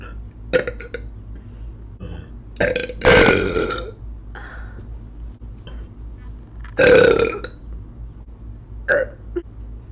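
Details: Girl burping while eating a meal: several belches, two long and loud, over low room hum.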